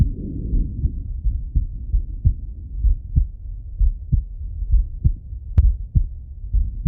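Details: Adult male heartbeat heard by stethoscope auscultation: soft, steady low thumps around 65 a minute over stethoscope rumble.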